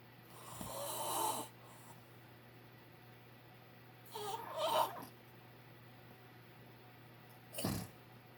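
Three loud, rough snores heard during sleep, separated by quiet pauses, over a steady background hum.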